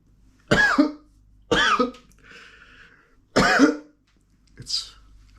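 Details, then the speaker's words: A man with a summer cold, sniffly, coughing: three sharp, voiced coughs, each with a short throaty tail, separated by quiet breathing. "so I I caught a summer's cold and apparently it's much more than just an"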